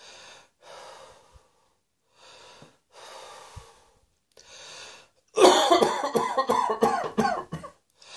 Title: Cross Dressing Coughing 58